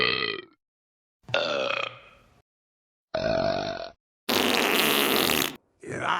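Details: Indian ringneck parrot imitating burping: a series of burp-like croaking sounds, some long, between short silences.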